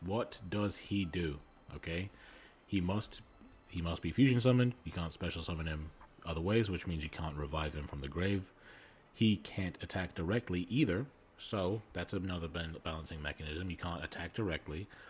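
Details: Male streamer with a self-reported speech impediment who says he stutters and normally edits it out of his videos; repeated words heard; stuttering.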